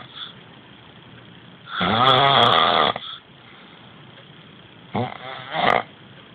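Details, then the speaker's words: Sleeping man whose friend says something is wrong with his sleep, sounding as if choking: loud, rattling, buzzing snores on inward breaths with quiet pauses; heavy snoring. "Jakby się dusił."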